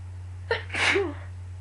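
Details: Sick person: a short in-breath, then a single sharp sneeze over a steady low room hum; an ordinary sneeze.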